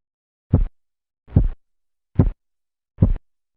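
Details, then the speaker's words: Korotkoff sounds, phase 3, over the brachial artery during manual blood pressure measurement with cuff deflation: four crisp, loud low thumps at about 72 a minute; the murmur of phase 2 disappears, giving a clearer, more intense sound. "en la fase 3 el murmullo desaparece dando paso a un sonido más nítido y de mayor intensidad"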